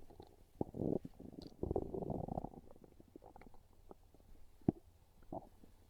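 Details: Low gurgling rumbles and bubbling pops from the belly; ordinary hunger stomach growling (borborygmi), described as craving pizza.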